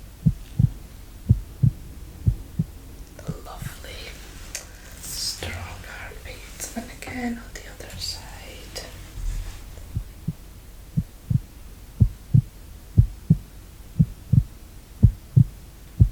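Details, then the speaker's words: Simulated ASMR doctor-exam roleplay: steady, strong paired lub-dub heartbeat at about 60 a minute with soft rustling, stethoscope on the chest under the shirt; strong steady rhythm, no arrhythmia, tachycardia or bradycardia; normal heartbeat. "Strong heartbeat. No arrhythmias, no tachycardia, no bradycardia. Just a strong, steady heartbeat."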